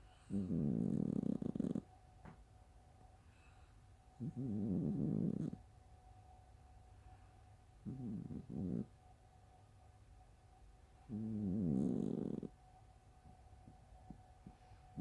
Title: Snores that sound like farts ❤